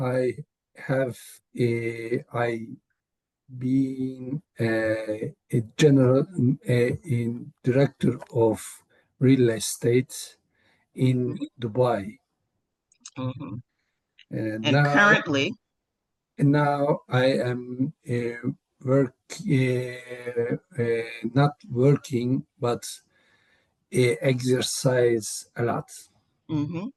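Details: Real adult male with aphasia, cause not stated; aphasia.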